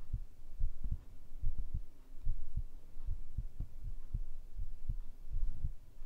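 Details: ASMR heartbeat recording: steady, low, paired thumps at about 72 beats a minute over a soft hum; a normal heartbeat.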